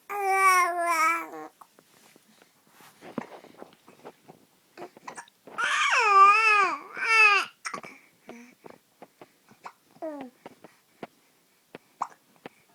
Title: Baby with hiccups 3 months old